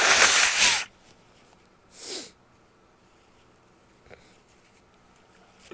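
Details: Wet, messy sneezes: one loud explosive sneeze, a smaller stifled sneeze, then faint sniffs.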